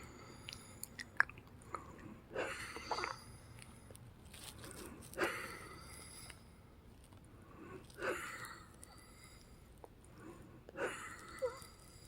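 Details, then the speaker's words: Woman with persistent breathing trouble for about three days, under a pulmonary physician, before an evening breathing treatment: noisy, effortful breaths about 21 a minute with faint whistling, described as more breathing hard than wheezing. "it right here again right here it's like a combination of breathing hard and I think it's more like breathing hard than wheezing"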